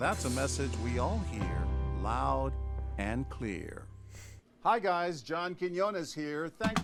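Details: Adult male narrator, with music in the first half; normal speech.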